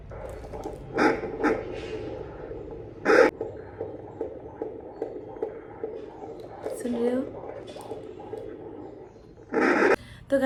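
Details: Fetal heartbeat on a home handheld fetal Doppler, probe with aloe vera gel on the abdomen of a pregnant woman sitting up: rapid, regular whooshing pulses interrupted by loud scraping bursts as the probe moves.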